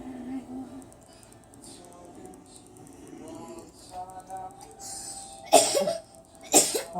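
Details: Child's cough during play, heard amid talk of riding a motorcycle.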